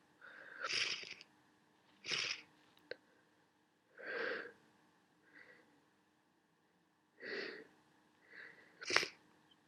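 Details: Sneezing from a worsening common cold: a run of about six sneezes and sniffs, some stifled, against a faint steady hum.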